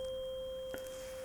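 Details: Steady pure tone of a struck tuning fork placed behind the ear on bone for the bone-conduction step of a Rinne hearing test, in a simulated role-play hearing assessment.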